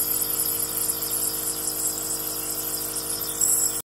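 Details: Dog receiving nebulizer treatment: steady mechanical hum and hiss of the nebulizer compressor running throughout, with no breathing sounds clearly audible.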